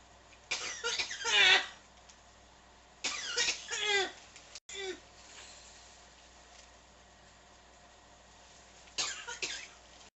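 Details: Three bouts of harsh, repeated, non-stop coughing over ten seconds, separated by quiet pauses; persistent cough, recorded in Toronto in August 2018.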